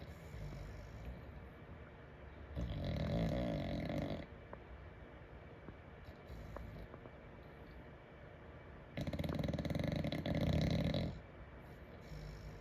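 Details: Sleeping bulldog: two long, rough, fluttering snores with noisy breathing between them; snoring.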